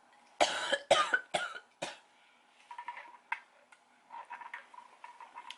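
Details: Adult sick since Monday (now Thursday) with a cough that was wet and is now dry: four short, sharp coughs in quick succession with no wet rattle, then rustling and throat sounds; dry cough.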